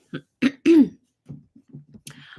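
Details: Adult woman with a lingering cough she links to seasonal allergies while trees are blooming; she says she is feeling much better. Three short throat-clearing coughs, then quieter throaty clearing.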